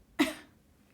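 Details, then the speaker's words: Adult who says they are very ill and losing their voice, drinking tea during a live stream: a single short, fairly dry cough, a sharp burst that fades quickly in a quiet room. "Ah, comme tu vois, Abdel, moi, je suis malade. Je suis archi malade, mais j'ai un thé. Donc, on espère que le thé va me redonner ma voix et m'empêcher de tousser."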